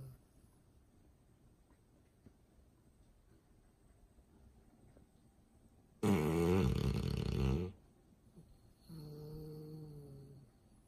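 After a quiet stretch, one loud, coarse rattling snore, then a softer, buzzy snore on the next breath: snoring.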